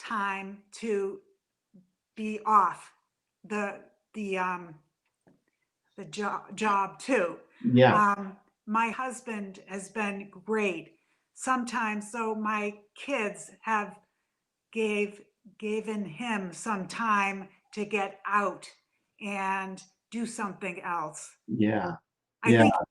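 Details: Adult woman with aphasia after a stroke from a brain AVM about three to four years earlier; still in speech therapy.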